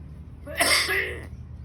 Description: Parrot in Thailand coughs like a person, talking in fluent Thai language.